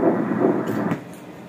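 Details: Normal fetal heartbeat on Doppler ultrasound at 32 weeks 1 day, with rapid rhythmic whooshing pulses that briefly fade. The baby is well and moving, has a good position with a posterior placenta, and the mother had a previous cesarean.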